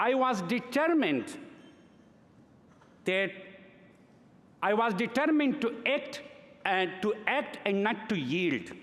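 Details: Adult man who has stuttered since early childhood, giving a speech in English at a gala: stuttering.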